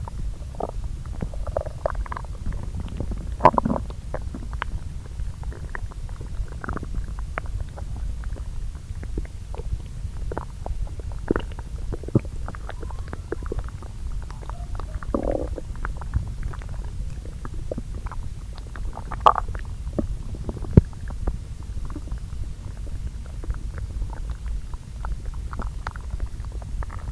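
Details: Self-recorded abdominal sounds from two areas of the lower intestine, overlaid, digesting the previous day's meals: soft, irregular gurgles and brief squelches over a low steady hum; normal bowel sounds (borborygmi).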